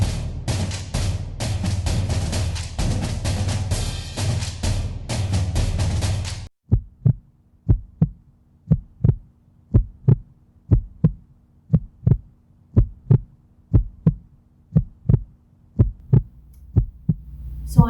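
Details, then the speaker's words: Steady, regular soft low thumps in paired beats after music, presented as a heartbeat like the mother's heartbeat a baby hears in the womb. "guessing that everyone knew exactly what they were just listening to right a heartbeat"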